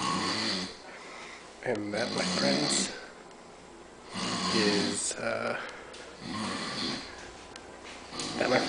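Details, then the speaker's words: Sleeping man posed like a supermodel: loud rattling snores roughly every two to three seconds, with quieter breathing between and low room noise; snoring. "why is this full posed like he's a supermodel like look look at his pose when he's snoring and he's sleeping"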